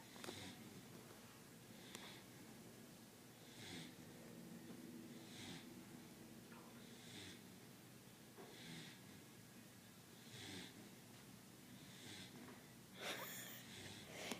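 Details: Sleeping, very tired subject after busy days, held in a man's arms like a baby: light snoring with soft, snuffly snorting breaths repeating steadily at about 35 per minute over faint room noise.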